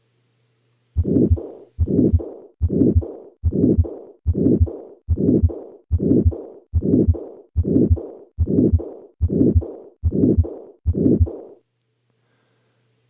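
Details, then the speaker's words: 75-year-old woman with dyspnea and exertional chest pain for several months, right upper sternal border: regular beats about 73 a minute with long harsh murmur in systole and diastole, mimicking continuous murmur; combined aortic stenosis and aortic regurgitation. "murmur sounds present in both syy and diast that is a continuous murmur but I have already told you that the only real continuous murmur is that of a patent ductus arteriosis which itself is seen only in childhood so what's going on"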